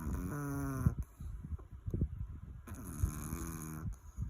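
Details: A sleeping Chihuahua dog snoring: two drawn-out, buzzy breaths about two and a half seconds apart, with soft snuffles and clicks between them.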